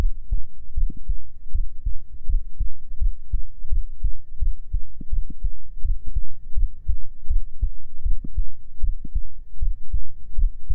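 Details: Soft, muffled low thumps at about 80 a minute over a faint steady hum, a normal resting heartbeat heard through the chest in a binaural ASMR recording.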